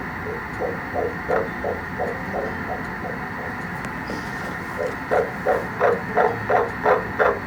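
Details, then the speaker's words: Fetal heartbeat at 8 weeks of pregnancy, recorded by phone during an ultrasound: rapid, regular whooshing pulses, strong and averaging 171 beats per minute. "So baby's heartbeat was strong. It was averaging 171 beats per minute, which is amazing."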